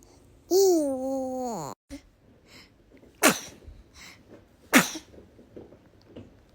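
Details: Infant sneezes: a baby's high, drawn-out squeal, then two short, sharp sneeze bursts in a quiet room.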